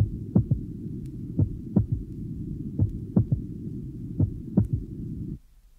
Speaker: here is the example of a normal third heart sound in a young adult the low pitched sound is quite loud and occurs. 13 seconds after atic closure